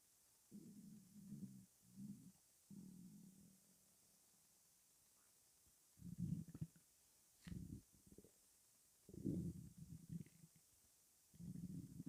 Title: Stomach rumbling (headphones advisable )